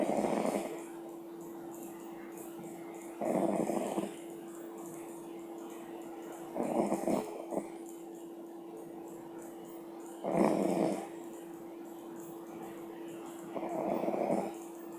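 Soft, rough snores repeating about 17 times a minute over a steady low hum. Ordinary snoring during sleep.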